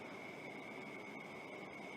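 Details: Philips Respironics REMstar CPAP with heated humidifier switched to therapy mode: steady airflow rush with a constant high tone.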